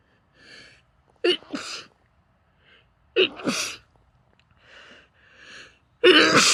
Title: stifled sneezes, nose blowing and let out sneezes into a handkerchief (f)